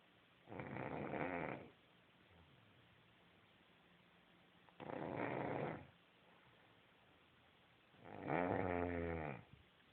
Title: snore king???